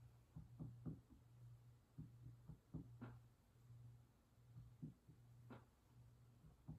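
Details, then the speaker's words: Abdominal percussion by an FNP student during a head-to-toe assessment: finger taps give dull thuds over the liver and spleen and hollow tympanic notes over the air-filled stomach. "you can hear the dullness of the liver in the spleen and also notice the tympanic sound of the stomach the air filled spaces"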